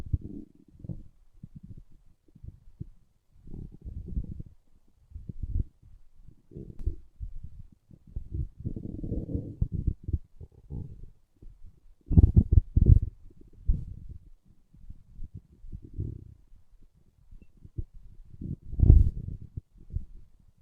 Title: My stomach growling